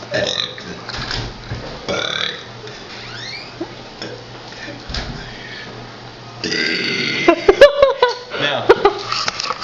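A series of long, voluntary burps shaped like spoken letters, with some background noise: deliberate belching.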